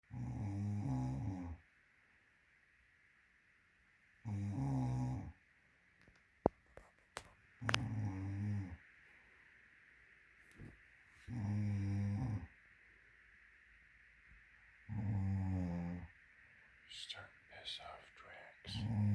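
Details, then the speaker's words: Woman snoring with a green Snore-Eze aid placed in her ear, apparently meant for the nose; loud, low rattling snores about 16 a minute with quiet pauses and a few clicks and rustles; snoring. "That green thing in her ear is a snore aid. I don't think it's helping unless it's aiding in her snoring. It doesn't get any quieter for me."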